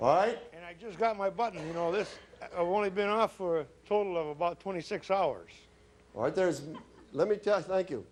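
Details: Electrolarynx speech from a woman whose larynx was removed, followed by radiation and chemotherapy, about two years earlier; battery device held against the throat makes a beeper sound that she articulates.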